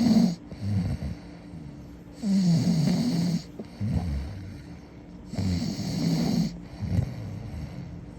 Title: #sleepy #snoring #america #philippines #foryou #cute